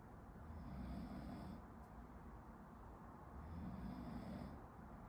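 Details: Someone sleeping some distance behind a medical student studying, recorded as a study-with-me: two low, rough snores over steady room noise; snoring.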